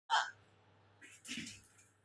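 One sharp, abrupt gulping catch of breath, followed by a faint breathy sound; a hiccup.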